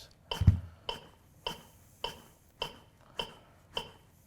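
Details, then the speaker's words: Steady sharp ticks at about 100 a minute from a training AED metronome, pacing chest compressions right after a shock in a CPR training demonstration. "provide best compressions to the beat and then whenever you're ready the heel of one hand should be in center of chest"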